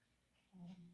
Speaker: That's my little dog snoring. I meant to say that at the beginning. When you're listening to me, you're going to hear my little dog snoring.